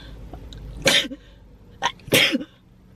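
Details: A girl sneezes twice, each a sharp hissing burst with a brief vocal tail, separated by a quick intake of breath; a sneezing fit.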